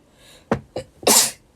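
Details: Young Japanese woman: two quick catching intakes of breath, then a single loud, hissing sneeze.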